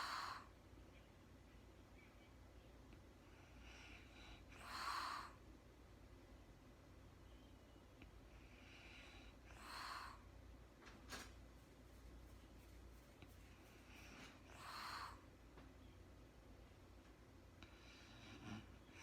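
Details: Real-time recording of a woman snoring during sleep, no talking: soft, airy breaths about every five seconds, roughly 12 a minute, with slight rasp in a quiet room; light snoring.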